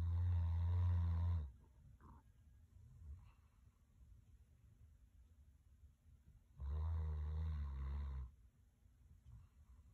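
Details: A dog snoring at Christmas: two loud, rumbling snores several seconds apart, with quiet breathing noise between them; ordinary snoring in a sleeping dog.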